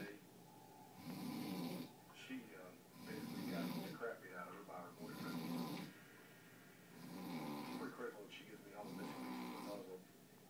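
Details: Rhythmic rough snoring on each in-breath, about 30 a minute, in a quiet room, from a man snoring through the night; snoring.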